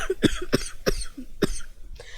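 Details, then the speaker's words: Adult who has been sick for several days with voice shot, still coughing and coughing up material, gives a run of four short, sharp coughs then a softer one in a quiet room: repeated coughing. "I'm uh still coughing a little but um I uh I won't be able to talk too much today"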